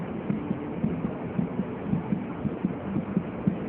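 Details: Normal fetal heart sounds heard over the maternal abdomen during a Leopold pregnancy exam demonstration. Cephalic presentation with the fetal back on the right. Counted over 5-second intervals (11–12 beats) while palpating the maternal pulse to compare.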